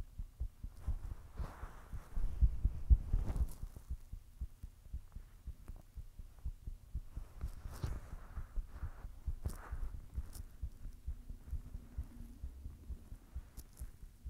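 Faint, steady low thuds of a heartbeat under rustling handling noise, roughly two beats a second.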